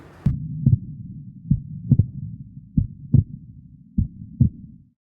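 Regular paired lub-dub heart sounds, about 48 beats a minute, over a low steady hum.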